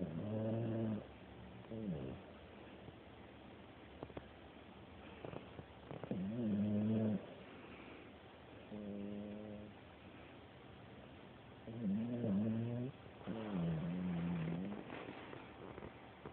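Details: Sleeping pet snoring: several drawn-out, buzzing, tonal breath sounds at uneven intervals, about ten a minute, in a quiet room.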